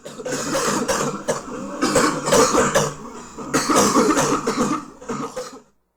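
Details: Cough: repeated harsh, voiced adult coughs in about four quick bouts over six seconds.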